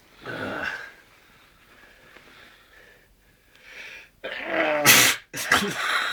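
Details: Sharp intake of breath, then two forceful sneezes, deliberately provoked by putting rolled-up toilet paper up the nose; ordinary sneezing.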